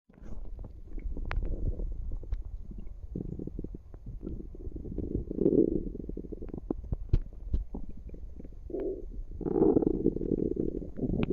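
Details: Active tummy: frequent gurgles and rumbling bursts with soft pops; active but ordinary bowel sounds (borborygmi).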